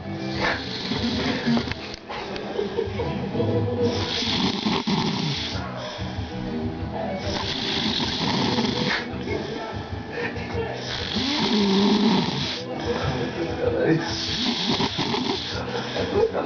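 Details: Man sleeping after drinking: loud, harsh rattling breaths every few seconds over music and room noise; heavy snoring.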